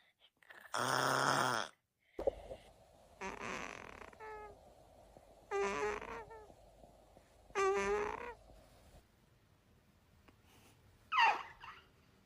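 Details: Sleeping baby boy: short, irregular snorting and squeaky breath noises with pauses between; light snoring.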